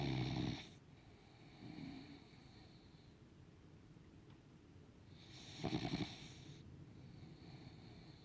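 Two loud snoring breaths with a softer one between, a rough low rattle on each breath: snoring in a sleeping dog.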